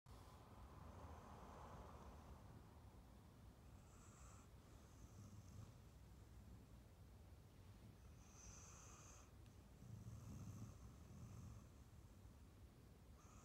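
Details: Adopted rescue Staffy Ridgeback female dog born 2012, asleep and dreaming on a sofa after a long walk and a big meal: soft, low rumbling snores and snorts with irregular breaths.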